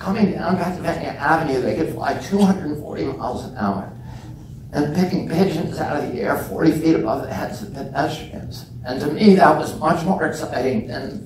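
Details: Real adult man with spasmodic dysphonia (he calls it spasmodic dystonia), onset at age 42 after a previously strong voice; he reports symptoms lessen or go away after speaking a while, and it is not painful. Finding: spasmodic dysphonia.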